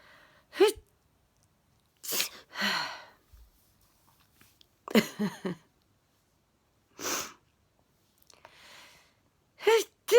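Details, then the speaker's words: Man with a sneezing fit just before bed, a daily problem, reporting jaw spasms: several sharp, forceful sneezes in a row, each preceded by a quick intake of breath, in a quiet room; sneezing. "oh my God I think I'm going to with the neighbors now sneezing so"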